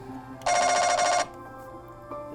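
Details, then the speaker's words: Loud, rapidly pulsing buzzing electronic tone under a second: MRI scanner noise heard by a reporter undergoing a brain scan. "how loud it is in there."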